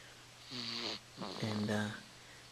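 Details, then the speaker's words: Sasha snoring while sound asleep just after midnight, one hand up in the air: two drawn-out, buzzing, slightly whistling breaths over quiet room noise; loud snoring. "same hand up in the air one hand in the air one hand in the side of course it's a loud breathing or in this case snoring how you doing baby she's out pretty good"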